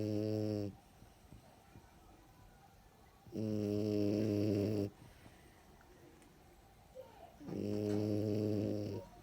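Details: Dog snoring mistaken for the husband snoring: loud, rumbling snores, each about a second long, about four per minute with quiet breathing between, in a sleeping dog.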